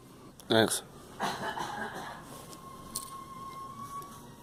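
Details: A child coughs twice, the first cough with a voiced edge and the second breathier, against quiet room noise.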